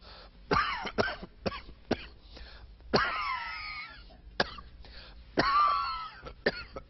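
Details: Coughing fit during an on-air broadcast: repeated sharp coughs in quick succession, some with strained voiced tails.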